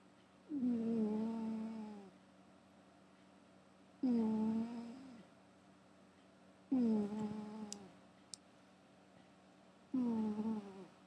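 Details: A cat snoring while asleep in a quiet room: four drawn-out, slightly whistling snores, each falling in pitch, recurring about every three seconds (roughly 19 breaths per minute).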